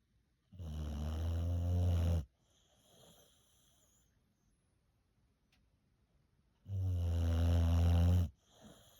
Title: I love my Boxer! She snores!! #ilovemyboxer